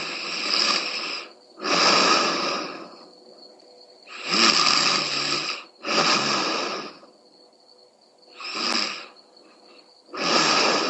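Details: Girlfriend snoring: loud, rough, rattling snores on each breath, about 14 a minute, with quiet pauses between and a faint steady whistle in the background; snoring.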